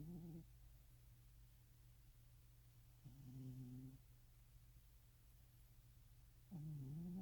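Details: Soft, low rumbling snores recurring every few seconds over a steady hum from a sleeping pet: snoring.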